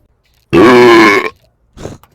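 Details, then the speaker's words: A gamer burps during an online game: one long, loud, voiced belch lasting under a second, then a brief softer throaty sound; burping. "yeah yeah sorry about that I had to let that one"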